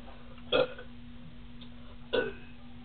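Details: Girls drinking cream soda burping as much as they can: two loud deliberate burps about a second and a half apart over a steady background hum; voluntary belching.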